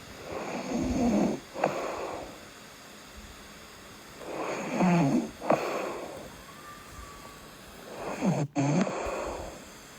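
Deep, fluttering snores with audible breathing, about 16 breaths a minute, slightly irregular.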